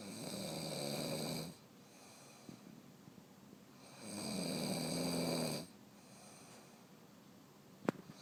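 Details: Adult woman snoring during sleep: two loud, rough, rattling inhaled snores about four seconds apart with quiet exhalations between, roughly 15 breaths a minute; habitual loud snoring.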